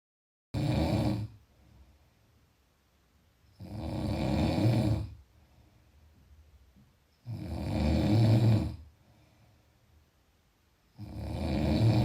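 Loud, rough, low-pitched snores on each in-breath, about 16 a minute, with quiet exhalations between: typical sleep snoring.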